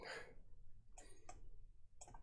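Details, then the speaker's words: Several short cough bursts in a quiet small room from an adult with asthma, coughed out during a live-streamed chess simul; cough. "Get the cough out of the system, and then I'm good for another 2 minutes before my next asthma attack."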